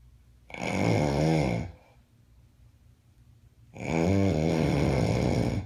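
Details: Roommate with bad snoring: loud, rattling snores on breathing in, two long ones a few seconds apart, in a quiet room.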